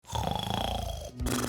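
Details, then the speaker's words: Loud, rough, rattling snore on the in-breath followed by a snort, from soft throat tissue narrowing the airway during sleep; presented as snoring that can warn of sleep apnea. "Does your partner complain about your snoring? I'm Dr. Nilakshi, ENT surgeon. [music] And snoring isn't always harmless. Snoring happens when air can't flow [music] freely through your nose and throat during sleep."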